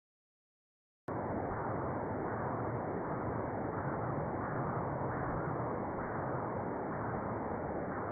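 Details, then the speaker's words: Transcranial Doppler bubble study in a stroke workup, with audible deflections from microembolic signals (HITS). "I'm going to play it again just so that you can see and hear the deflections. It makes it really really obvious for the interpreter."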